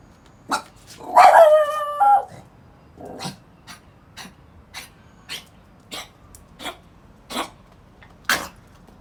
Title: A Dog with Kennel Cough trying to bark